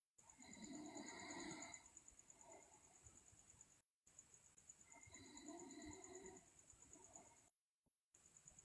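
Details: Loud snoring from a sleeping girl, with teeth grinding and delirious sleep talk.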